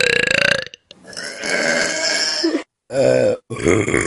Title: Best Burps From Vine || #18 || January 2015